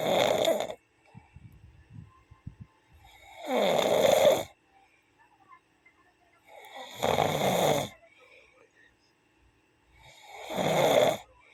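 Loud, rattling snores on each breath in, about 17 a minute, with quiet gaps between them.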